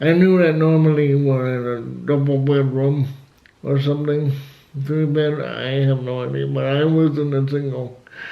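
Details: Adult man with cerebral palsy who had to learn to talk, also has asthma and says flu almost killed him; dysarthria due to cerebral palsy.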